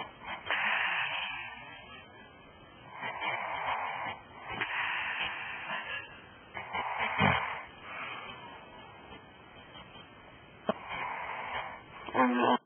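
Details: Woman's loud snoring likened to a horse: repeated harsh, rasping snores about every two to three seconds, some ending in a snort, on a tinny recording.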